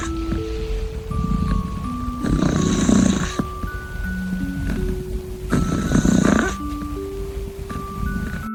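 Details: Sleeping kitten snoring softly: two slow, rough breathing noises, about 18 a minute, under loud chiming music.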